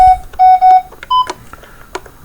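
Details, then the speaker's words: Short sharp monitor beeps, three at one pitch and one higher, over quiet room noise: a high heart rate alarm on a non-invasive blood pressure monitor driven by a simulator during alarm testing. "so I definitely caused my high heart rate alarm to occur right notice here it says an alarm is happening it says high heart rate alarm"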